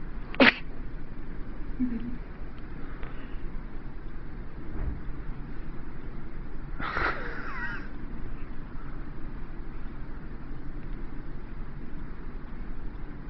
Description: Yeah, he's just funny when he sneezes. Pooph!!!!